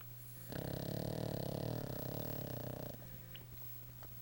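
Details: Snoring while napping: one long, low, fluttering snore lasting over two seconds over a steady room hum.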